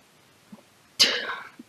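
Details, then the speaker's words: Teenager with Tourette syndrome giving a single sudden, explosive, sneeze-like vocal burst in a quiet pause while describing her condition; simple vocal tic. "some examples of verbal ticks are throat clearing making clicking sounds like repeated sniffing yelping or shouting"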